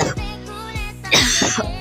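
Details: A brief cough with a short throat-clearing sound from the person drawing fan art, heard over steady background music.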